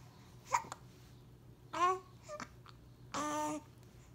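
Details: Short, sharp catches mixed with small voiced squeaks and coos from a 6-week-old baby in a quiet room: infant hiccups.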